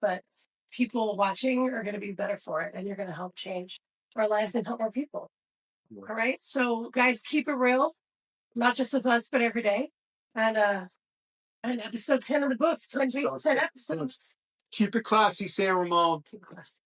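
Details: Adult speaker; normal speech.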